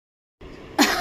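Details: An infant girl copies a cough, giving one short, sharp, cough-like burst after a brief quiet stretch: an imitated voluntary cough.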